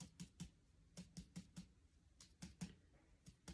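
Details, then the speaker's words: Abdominal finger percussion moving upward, taps turning from resonant to dull at the lower liver edge, then following the dull note to map liver borders and estimate liver size; dull percussion note over the liver. "becomes more dull and sound so that would be the edge lower edge of the liver and we can move up following that dull sound"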